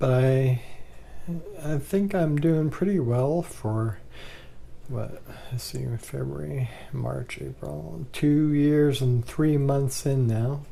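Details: Adult man with ALS, 2 years 3 months after diagnosis, with worsening bulbar dysarthria, swallowing problems attributed to throat muscle spasms and increasingly laboured breathing.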